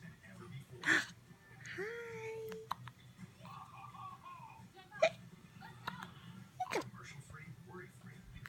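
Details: Hiccups: three sharp, brief bursts at irregular intervals, mixed with soft vocal sounds in a quiet room.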